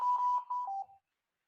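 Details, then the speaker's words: Mechanical ventilation teaching class: a ventilator simulator sounds a short electronic alarm of steady high beeps, then a lower tone, flagging low minute volume (tidal volume × respiratory rate); the instructor notes it can be silenced by raising respiratory rate. Low minute volume alarm. "que está chillando quién está marcando también pues no necesitan mucha ciencia está marcando el volumen minuto"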